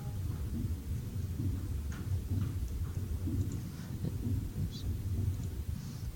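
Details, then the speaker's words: Normal heart sounds: low, regular lub-dub thumps under steady rumble, S1 at atrioventricular valve closure and S2 at semilunar valve closure, two clear sounds per beat. "so the first heart sound that's around the time that the AV valves are closing and the second one is around the time that the semi lunar valves are closing right"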